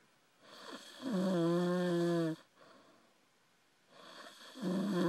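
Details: Person passed out drunk, snoring: loud, tonal, droning snore on the in-breath lasting over a second, another starting as the clip ends; snoring.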